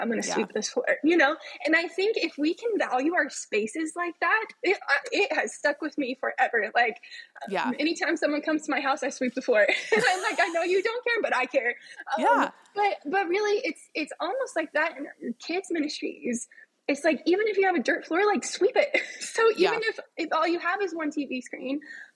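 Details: Spasmodic dysphonia, which the adult woman herself describes as a vocal cord spasm, heard in her speech during a podcast interview.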